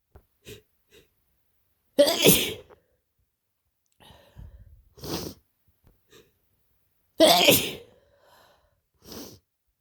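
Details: Adult with a bad head cold, scratchy throat and headache: two loud, harsh sneezes, each preceded by a quick inhaling gasp, with small sniffs between.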